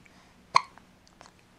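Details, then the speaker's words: Baby girl with hiccups while smiling: a single sharp hiccup followed by soft small vocal sounds in a quiet room; ordinary, harmless infant hiccup. "oh we got hiccups we got hiccups let's get you up right uh oh hiccup you can smile through the hiccups right"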